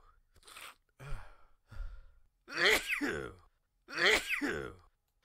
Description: A quick allergy sneezing fit I recorded.